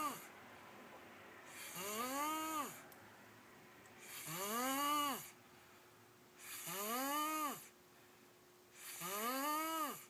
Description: Boy snoring funny